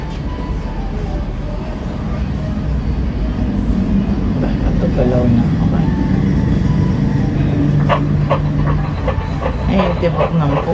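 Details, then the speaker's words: Fetal heartbeat on an ultrasound scan of a male, head-down fetus while the heart is shown moving: rapid rhythmic whooshing pulses, roughly 150–190 a minute, under machine and room noise. "Pagkatapos, ito yung puso niya yung gumagalaw."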